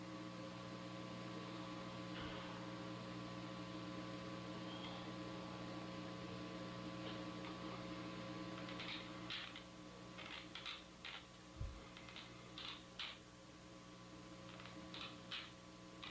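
Steady room hum, then a run of short, harsh, scraping squeaks repeating in bursts: the grinding of teeth during sleep, sleep bruxism.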